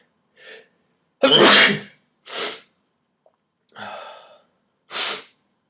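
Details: Person sneezing who says they are tired and sick, in a cold apartment in winter: two sharp, forceful sneezes, each after a short indrawn breath, with a softer sneeze-like burst between them.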